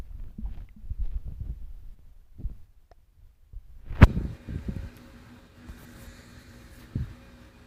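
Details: Stomach growling recorded with a phone pressed against the abdomen: irregular low gurgles and rumbles as gas and fluid move through the gut.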